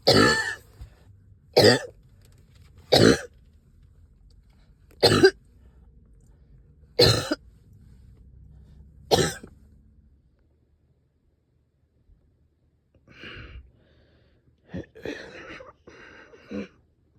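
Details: Productive cough in a person up all night with a heavy chest and headache: six loose, harsh coughs a few seconds apart, then quieter throat sounds, wet with stubborn sticky phlegm.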